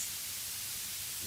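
A steady, high-pitched hiss with little low-end rumble, a tinnitus masker noise being tuned to match the ringing's pitch and sharpness.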